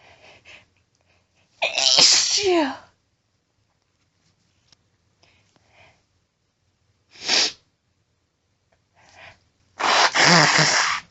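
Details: A female deliberately announcing her sneezes: three very powerful, forceful sneezes, each with a sharp explosive release, separated by quiet pauses and brief breaths.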